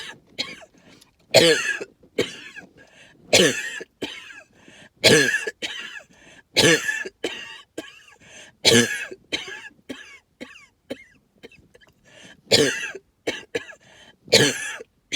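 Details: Lots of wheezing with some hacking cough, attributed to tree pollen and mold spores: harsh hacking coughs and throat clearing in quick runs with raspy breathing between; hacking cough with wheezing.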